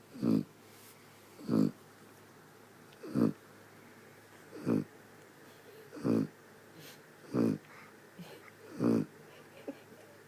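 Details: Sleeping dog with short, regular snorting snores, seven in ten seconds (about 43 a minute), in a quiet room; snoring.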